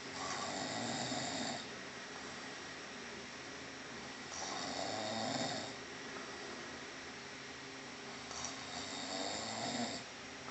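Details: Steady snoring during sleep: three loud, rough, rattling breaths over ten seconds, about 15 a minute, with quieter pauses between.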